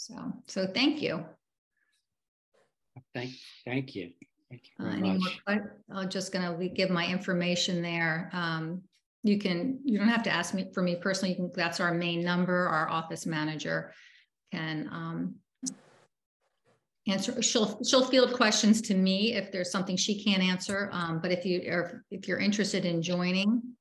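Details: Person with aphasia speaking with repetitions, revisions and word-finding difficulty; aphasia.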